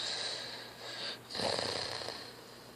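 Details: Snoring in a teenager who fell asleep during a movie: hissing breaths followed by a rougher, fluttering snore on the next breath.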